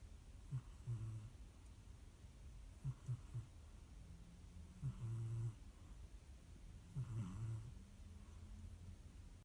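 Soft, low, irregular snoring snorts from a sleeping cat, about 30 a minute, over quiet room noise.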